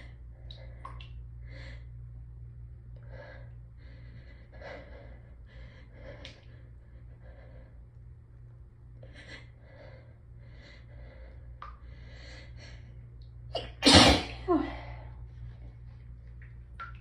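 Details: Repeated quick hitching sniffs and catches building up, then one loud forceful hay fever sneeze, after a day of building urge and nose raw from rubbing.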